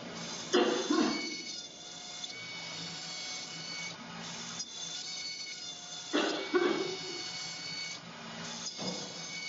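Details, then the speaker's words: Dental milling machine cutting a crown on seven axes, about 25 minutes per crown: quiet whirring and intermittent grinding bursts, faint background music. "so it'll turn it over it'll cut the exus so then it'll cut the the walls and it's rotating on a seven AIS for a seven"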